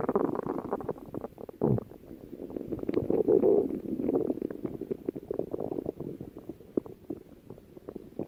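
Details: Stomach growling: continuous gurgling, bubbling rumbles with irregular surges and brief squelching pops. Active bowel sounds (borborygmi).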